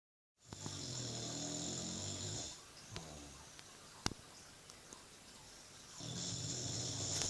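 Loud, rough snoring on each breath in, with quieter breaths out between, from a sleeping flat-faced dog; a noisy airway in sleep.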